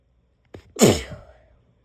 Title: Strong sneezes